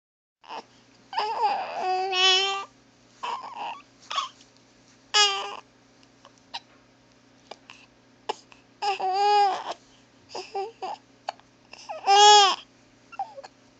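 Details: Infant fussing and crying in short bursts with small sharp catches between cries, from hiccups that upset the baby; hiccups then stop.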